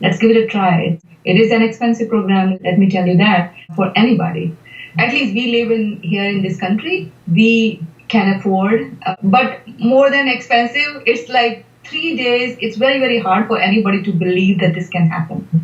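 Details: Adult woman speaking; ordinary speech.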